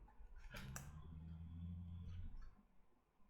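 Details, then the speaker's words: A dog snoring during a French recording: a single long, low, rumbling breath sound lasting about two seconds, with a couple of brief rustling clicks in a quiet room. "vous entendez ronfler c'est un chien qui remonte désolé"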